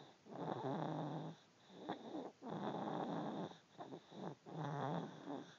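A sleeping cat snores with long, rattling, low breaths about every two seconds, some with a fluttering edge; a room hum sits faintly behind. Snoring.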